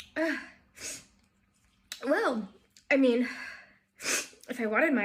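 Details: Several rapid sneezes in a row, each a sharp burst with a voiced catch and short breaths between, in a small room; sneezing.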